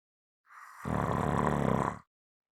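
A single loud, deep, rattling snore lasting just over a second, starting with a softer airy rush: heavy snoring.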